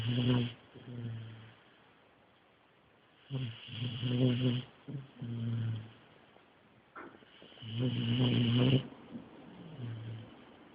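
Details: Knocked out by medication, sedated in deep sleep: loud, rattling snores in irregular cycles, about 14 a minute, separated by quiet pauses; heavy snoring.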